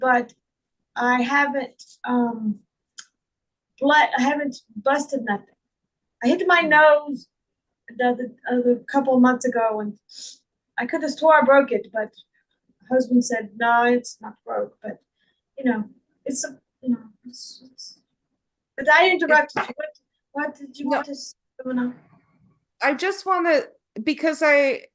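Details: Woman with foreign accent syndrome who also reports difficulty remembering words, reading, and saying long words; foreign accent syndrome.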